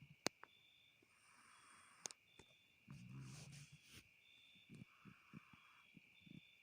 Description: Funny cat snoring more than her madoh 😅